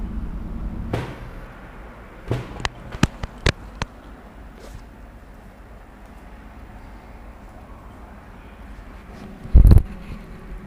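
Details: Chiropractic back manipulation for low back pain with left and right leg pain: a quick run of about five sharp cracks, then a louder thump, spinal joint cavitation; the patient afterwards reports the back and leg pain relieved.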